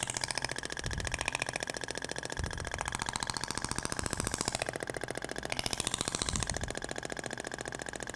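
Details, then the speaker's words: Shockwave therapy applicator firing rapid, steady mechanical tapping pulses continuously on the abdomen in a hands-on training demonstration, with faint room noise and clapping; the sound differs between polyacetal and Inox tips. "vai pro outro sentido até o barulho é diferente da pompea de poliacetal pra inotes"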